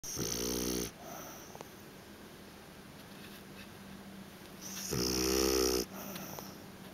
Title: Snoring Pig